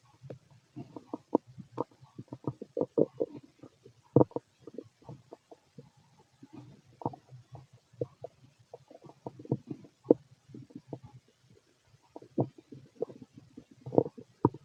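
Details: Fit adult male: frequent soft gurgles, pops and bubbling rumbles from the belly; normal bowel sounds, stomach rumbling (borborygmi).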